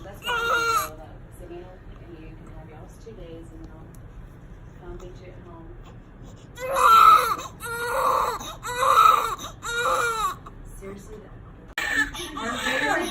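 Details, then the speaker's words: Bursts of high, strong crying with quieter whimpers between them from a newborn baby girl just after hospital birth; she later stops crying after grabbing her father's finger. A vigorous, normal newborn cry. "look at him oh she grabbed his little finger and stopped crying"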